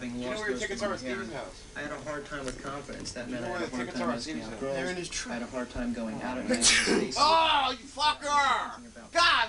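Voices talking, then a sudden sharp, hissing burst near the end, a single sneeze, followed by more voiced sounds.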